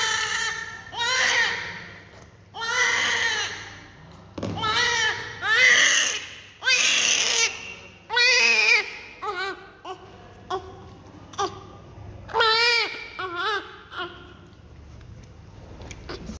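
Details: A newborn cries loudly in repeated bursts with short breaths between during neonatal cleaning after birth; a normal vigorous newborn cry.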